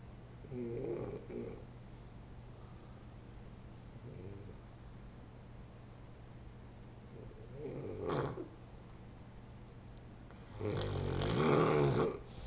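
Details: Person snoring as usual: low rattling snores recur every few seconds, the last one louder and longer, over a steady low hum.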